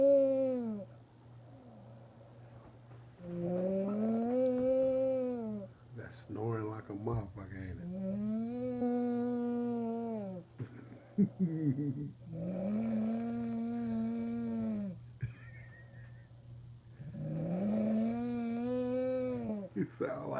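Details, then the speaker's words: Adult woman (wife) asleep after a hard day's work, snoring: long, loud, tonal snores with a honking, whistling quality, four to five per 20 seconds, over a low steady hum. "sound like a it sound like lunchtime at the plant. That sound like lunchtime at the plant, man."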